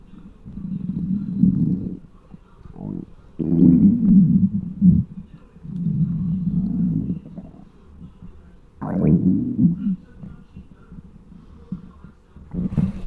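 Loud, long gurgling and rumbling bursts from the belly, one after another: hunger bowel sounds, a normal finding.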